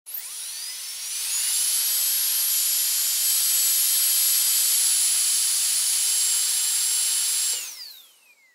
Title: Dentist Drill / Dentist, Drill Operate